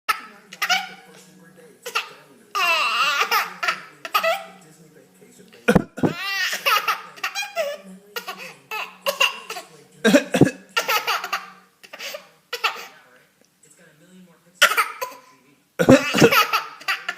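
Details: A young boy deliberately fake coughs for fun: a few short, voluntary coughs amid bursts of giggling and laughter from others.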